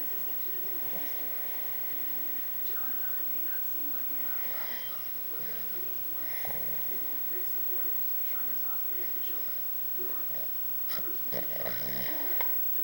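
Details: Irregular rough snoring from a sleeping man (dad) over steady room noise.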